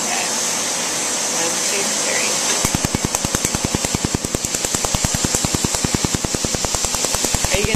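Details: Tattoo removal laser treatment on a patient's tattoo, starting with a test spot and then treating rose designs and shading. A steady hiss is followed by rapid, regular snapping laser pulses at about 200 a minute.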